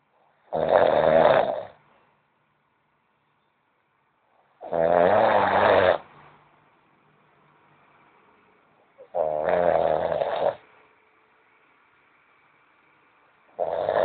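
Loud, low, vibrating snores about once every four seconds, roughly 14 a minute, with silent gaps between: snoring.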